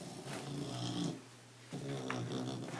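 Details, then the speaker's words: A tired pet dog sleeping after a trip to the mall, with loud, rough, rattling snores on each breath in two long cycles separated by a short pause; the owner says the dog has a snoring problem; heavy snoring. "all right so now you know my dog has a snoring problem Mandy do you know how much you're snoring you know how much you're snoring can you hear yourself"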